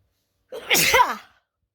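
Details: A single wet, explosive sneeze with a short intake of breath before it, followed by a spray-like burst; wet sneeze.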